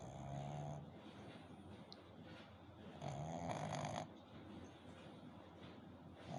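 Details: Sleeping puppy snoring: two soft, buzzing snores about two seconds apart with quiet breathing between them.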